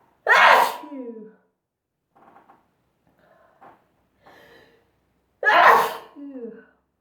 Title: Sneezing Induced By Dust...